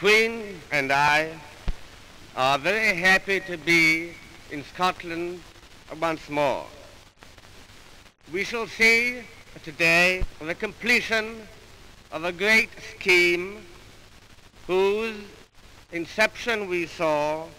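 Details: An adult man with a stutter since childhood who had speech therapy, giving a 1938 public speech in Glasgow; stuttering.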